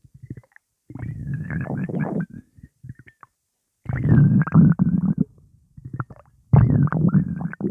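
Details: Loud, bubbling gurgles and sloshing rumbles in long bursts with pauses, attributed to Coca-Cola swirling in the stomach; stomach rumbling (borborygmi).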